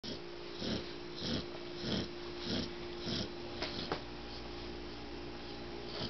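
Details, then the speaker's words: 4-month-old, 47 lb Pitbull–Rottweiler mix puppy (male) snoring while asleep at bedtime: soft, regular snores at about 20 breaths a minute over a steady background hum. "He's snoring. He's snoring. Never mind them puppy dog eyes. It's bedtime."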